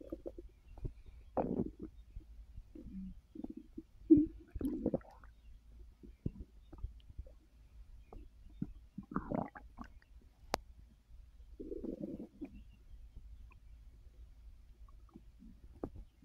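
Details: Quiet irregular gurgles and rumbles with pauses and faint clicks from a full stomach while resting after overeating (snacking after a gummy); borborygmi.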